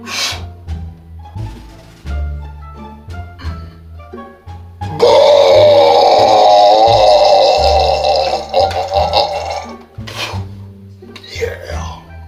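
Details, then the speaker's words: A person deliberately trying to belch as loudly as possible: one long, loud, rumbling belch lasting several seconds over steady background music; burping. "hey everybody hey how you doing guess what i'm going to try to see if i can belch as loud as i can yes i'm going to try the belch as loud as i can"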